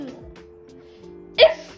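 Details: Female with Tourette syndrome since age 3, having many tics on the recording day; phonic tic (kissing sound)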